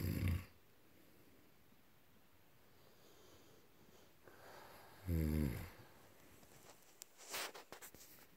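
Two short, low rattling snores with quiet breathing between them, plus some faint handling noise near the end.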